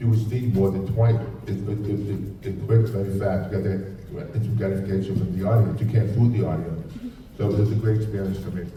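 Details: Man with profound hearing loss, a speech impediment since childhood, phonetics training, and a cochlear implant; deaf speech (speech of profound hearing loss).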